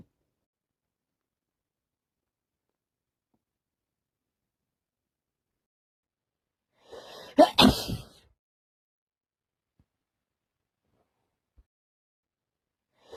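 A single sharp explosive sneeze with a brief intake before it, surrounded by silence; a sneeze during a cold.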